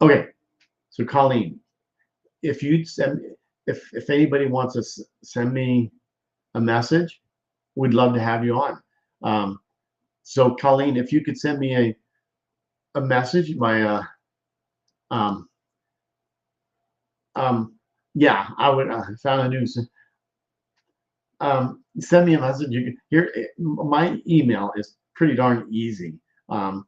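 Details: Male stroke survivor with post-stroke aphasia and word-finding difficulty; aphasia.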